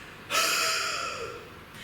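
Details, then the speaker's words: A physiotherapist demonstrates one long, forceful open-mouthed breath out, breathy and without a cough's sharp closure; a huff (forced expiration technique) in the Active Cycle of Breathing Technique for airway clearance. "So a huff, as I mentioned at the start, is similar to a cough, and it looks and sounds like this."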